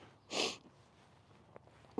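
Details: A friendly Mustang mare during an equine chiropractic session, right after a poll release as her head is brought toward her chest: a single sharp, hissing nasal blast of air (a sneeze or snort), then quiet outdoor background.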